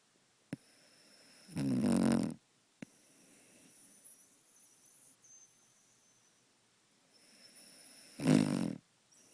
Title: Doggie snores something fierce